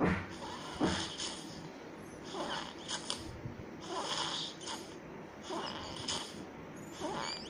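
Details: Snoring with a tonal quality: repeated rattling breath noises about every 1.5 seconds, some slightly tonal, in a quiet room.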